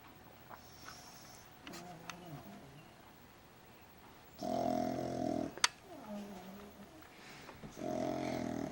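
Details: Pug snoring loudly: snorting, rattling breaths in two loud bursts amid quieter nasal breathing from a flat-faced small dog.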